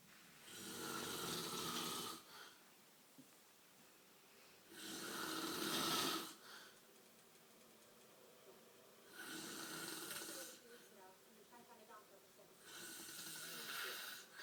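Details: Snoring: loud, rough breathing noises on each breath at about 14 breaths a minute with quiet gaps between.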